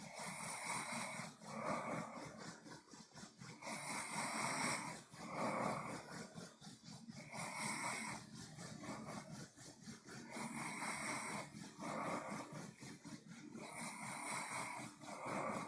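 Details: Closed-mouth snoring: rough, rattling snores in a steady rhythm, about 17 breaths a minute, with a noisy snore on each breath.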